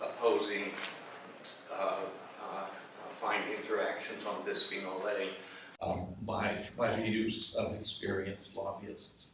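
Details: Adult man whose voice wavers from essential tremor, which also affects his hands and ended his surgical work; voice tremor (essential tremor).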